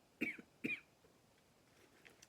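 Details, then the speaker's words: Dry cough in an adult woman who has been very snuffy the last few days, describing it as one of those annoying dry coughs. "Be very snuffy the last few days and it does make me cough sometimes."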